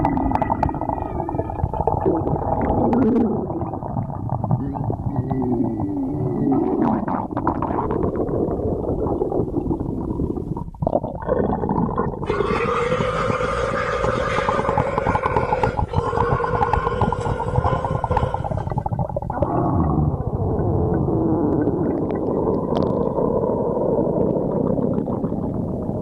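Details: Loud stomach growling (borborygmi): continuous low gurgling and moaning rumbles with shifting tones.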